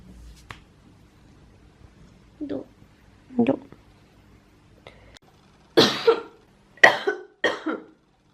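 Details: Quiet throat noises, then three sharp, rough coughs in a quiet room from a girl ill with a viral infection, resting in bed with medicines.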